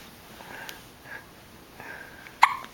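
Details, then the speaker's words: Infant girl with hiccups, awake and looking around: a few soft, brief catches over quiet background, then one sharper hiccup. "look a little suspicious, skeptical. Okay, we'll wait a little bit until your hiccups go away."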